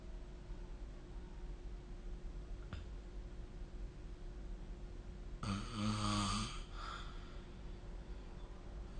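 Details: Single rough, rumbling snore with a brief follow-on breath over steady room hiss, recorded with the SnoreLab snoring app.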